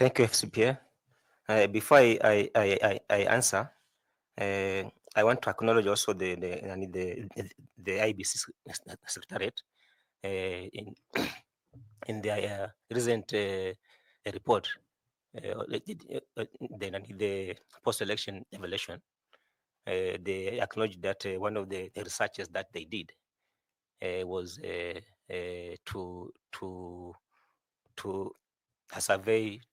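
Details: 41-year-old male who says he stammers a lot, speaking in a selection panel interview; stuttering.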